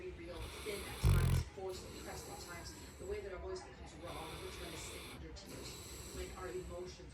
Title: My saint bernard snoring so loud 😴